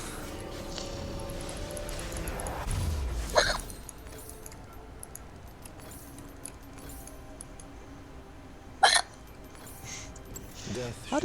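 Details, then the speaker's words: Two sharp, brief catches of breath about five seconds apart over faint game music, from someone who has hiccups; hiccups. "never heard you with hiccups before so cute yes I know I want to hear you hiccuping"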